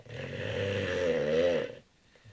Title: squires snoring